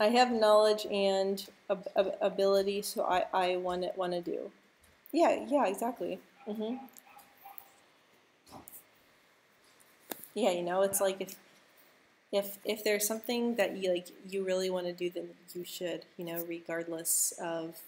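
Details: Speech of a young adult woman who stutters, talking about her own stutter; stuttering.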